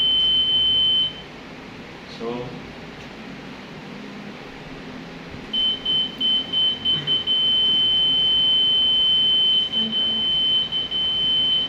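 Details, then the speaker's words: Demonstration defibrillator monitor alarm: a steady, high-pitched, pre-programmed electronic alarm tone is silenced, then returns continuously. "the alarms also are already pretty pre-programmed already it's a machine [Music] then you can also silence the alarm"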